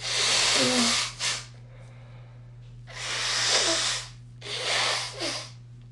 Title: 2 sneezes and a productive afternoon soft blow (1/11/2022)